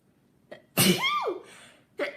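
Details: A single sneeze from a girl, tagged allergies and sinuses: a short in-breath, then one forceful voiced sneeze trailing into a breathy exhale.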